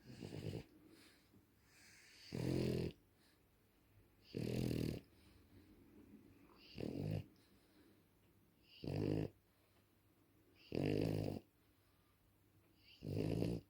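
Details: Sleeping French bulldog snoring loudly and rhythmically, about six snores over fourteen seconds, roughly one every two seconds: snoring.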